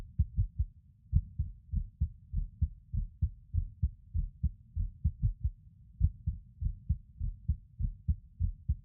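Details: Male lying on his bed recording a skipping heartbeat: about 100 beats a minute with uneven spacing and occasional pauses, an irregular rhythm with skipped beats.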